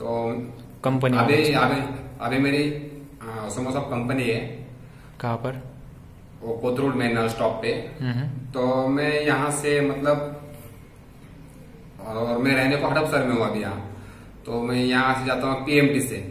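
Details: Adult man who has stammered since about age seven or eight, now reporting about 90% improvement after a stammering training course; finding: stuttering.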